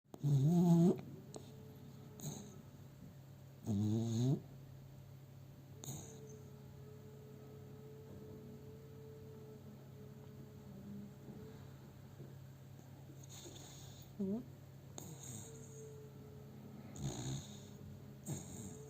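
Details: Pet dog sleeping in owner's arms, recorded on a cell phone: irregular snorting snores with quiet steady breathing between them; snoring.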